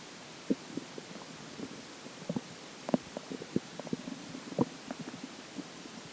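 Quiet, scattered watery pops and gurgles over a soft hiss; ordinary stomach gurgling.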